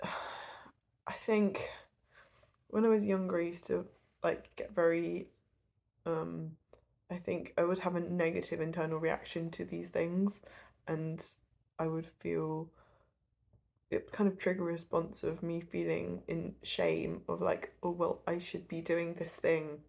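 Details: Adult woman who stutters and gets stuck on words, especially at the start of speaking; stuttering.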